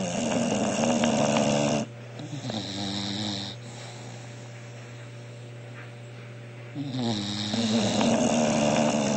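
Loud rattling snores with a buzzing low tone, fading to a quieter steady hum between louder bursts; dog snoring.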